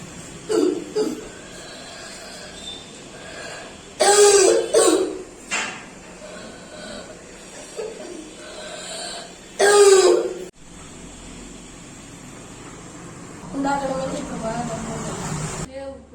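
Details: A child with a long-standing stubborn allergic cough gives two harsh, forceful cough bursts with quieter throat sounds between.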